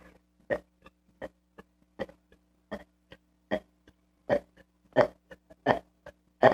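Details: Kid burping repeatedly: a string of short, croaky burps, about forty a minute, growing louder toward the end.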